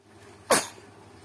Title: bayi bersin . baby sneeze